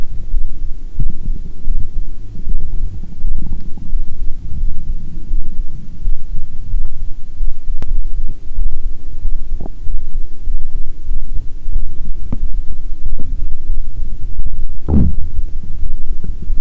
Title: Heartbeat w/ Unintentional Stomach Growling